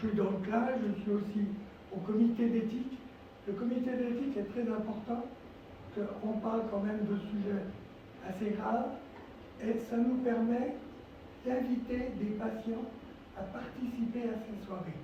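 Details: Dysphonia from vocal cord lesions in a male former nurse, with respiratory problems, since complications after coronary bypass surgery that required 4 months in intensive care.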